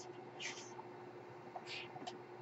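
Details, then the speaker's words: Podcast host's own home ventilator running in the background: soft airy hissing puffs over a steady low machine hum; mechanical ventilator noise. "My name is. That noise you're hearing is my ventilator."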